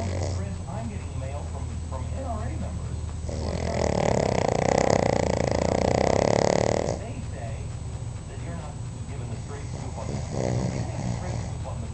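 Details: Cavalier King Charles spaniel snoring while asleep, possibly dreaming: a long, loud rattling snore with quieter snuffling breaths before and after, over steady background noise.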